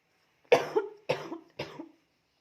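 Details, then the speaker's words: Night-time cough in someone short of breath, recorded before a breathing massage: three separate harsh bursts, each with a brief trailing tail. "Malam-malam batuk. Ada seseknya."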